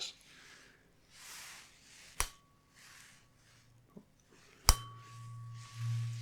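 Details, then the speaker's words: Acted ASMR check-up, simulated ear-to-ear hearing test with eyes closed: sharp taps followed by steady ringing tones with soft rustling between. "I would do this some from ear to ear and also just you just close your eyes then I will go from one ear to the other and then you have to tell me which year it"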